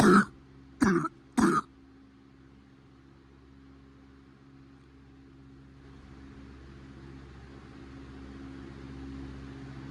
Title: Cough is getting better